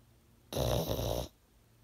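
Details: Pug dog: a single rough, rattling snore lasting under a second, set against a quiet room; snoring.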